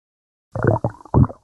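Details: Adult's stomach growling (borborygmi): three short, low gurgling rumbles as gas and fluid move through the gut.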